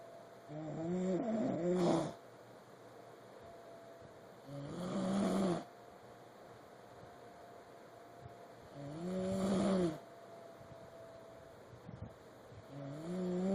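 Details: Slow, regular snoring with a tonal, rattling quality on each breath, about 15 breaths a minute, over a steady background hum.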